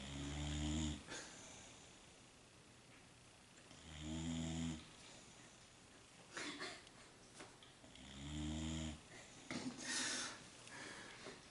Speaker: I just realized that dog is snoring very loudly can everybody hear that